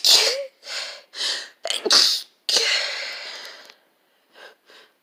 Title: Sneezes attack